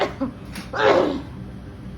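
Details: Acted, simulated cough for comedy ("trying not to cough in public"): brief throaty sounds, then a single stifled, explosive cough burst.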